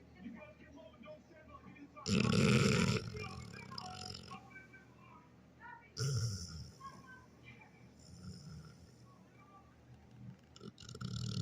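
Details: Pitbull snoring: two loud, rough, human-like snorting snores separated by quieter breathing in a room.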